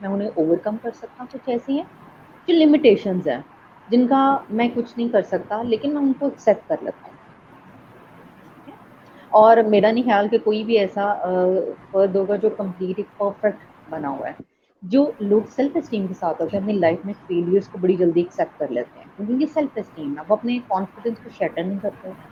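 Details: Adult speaker, Hindi with some English words; typical speech.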